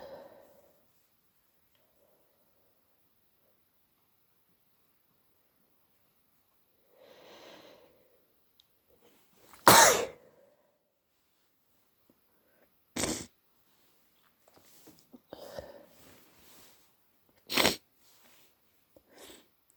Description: I woke up at 3am with a stupidly blocked nose and it was givibg me headache so I induced some sneezes to ease the pressure